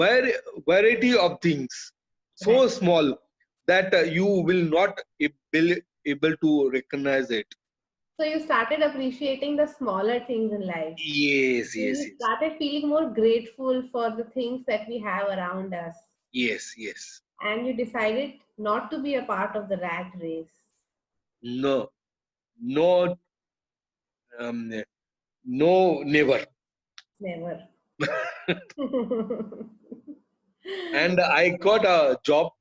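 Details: Adult male with chronic aphasia after a haemorrhagic stroke to the speech centre; he lost all speech, was told he would never speak again, and relearned it through years of speech therapy, still hesitating and leaving sentences unfinished.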